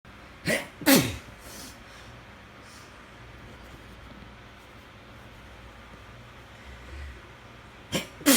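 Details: Sneezing fit while trying to sleep, possibly after cleaning day or weather change: sharp, explosive sneezes, two near the start and two at the end, with quiet room noise between.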